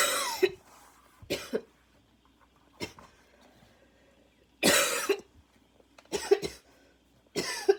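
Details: Second coughing fit minutes after an earlier one, inhaler badly needed: harsh barking coughs in bursts with short gaps and noisy, wheezy breaths between them.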